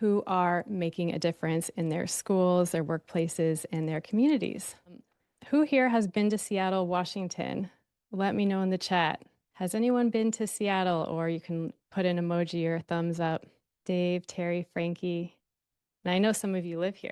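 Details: Adult woman speaking; normal speech.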